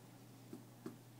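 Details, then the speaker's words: Finger percussion over upper right abdomen giving a dull note over the liver, marking liver span estimated about eight centimetres; two soft, short, flat taps. "here we go no that's that's good that's good that's dull"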